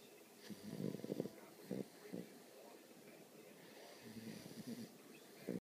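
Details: Snoring from a Great Dane puppy.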